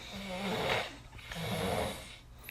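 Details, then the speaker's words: Two loud, rattling, low-pitched breaths in quick succession from a sleeping adult, with faint room noise: snoring. "You always ask how loud you snore. You snore pretty fucking loud."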